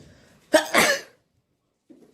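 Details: Morning sneezes, some slow to come out before coming naturally: a single explosive burst with a brief lead-in, likely a sneeze, followed by quiet.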